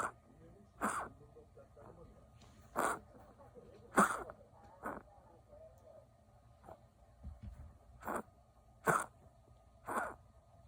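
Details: Nine short, harsh bursts spaced irregularly over ten seconds, with faint room noise between them; severe repeated coughing in a dog named Ttotto.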